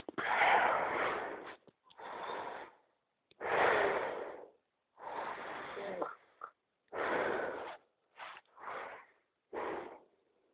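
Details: Simulated snoring made with a Nokia voice synthesizer, not real breathing: rough, noisy breath-like sounds in irregular bursts, about 18 a minute.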